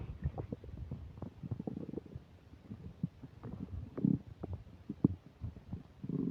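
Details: Person's stomach while eating a burger and fish fries, recorded with a new microphone that has occasional static: continuous low gurgling and churning with squeaky bubbling bursts, fairly loud and busy; active borborygmi during digestion.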